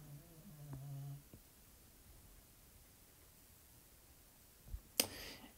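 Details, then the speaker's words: Pet dog snoring during a recording: a single low, buzzy snore, then a quiet room, a sharp click and faint rustling; snoring. "I don't know if you can hear my dog again. Is snoring once again."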